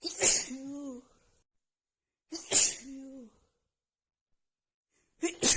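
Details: Woman with a head cold who sniffed a tiny bit of black pepper: two sharp, explosive sneezes, each with a voiced trailing cry, and a third starting in quick succession; sneezing fit.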